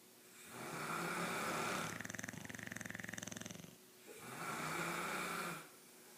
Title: Man vs mans best friend snore-apalooza